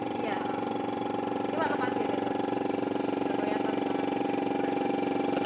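Steady mechanical hum with a fast regular pulsing throb, the sound of a running suction unit.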